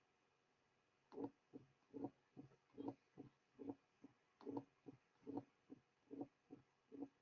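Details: Simulated teaching recording of mitral stenosis: the diastolic murmur is removed, leaving the opening snap after the second sound. Opening snap of mitral stenosis.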